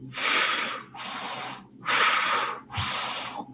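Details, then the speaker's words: Vocal imitation of aortic regurgitation: four soft, blowing, aspirating breath sounds mimicking the diastolic murmur, contrasted with the ejection murmur of aortic stenosis; aortic regurgitation murmur imitation. "ese soplo aspirativo sí pues es un soplo típico de la insuficiencia aórtica"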